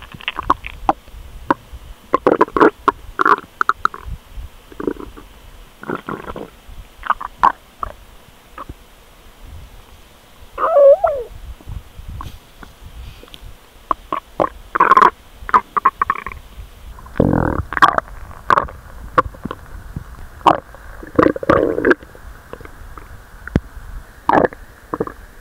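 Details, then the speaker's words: Adult's abdomen recorded about two hours after overeating a feast and watermelon and a nap: irregular gurgling and rumbling bowel sounds (borborygmi) with brief squeaks and bubbling bursts. "以前は、食後2時間くらいしたら、すぐに私のお腹の音が鳴ってたのですが…。あっ！。あっ、今！。私のお腹が唸り始めたので録音したいと思います😅。"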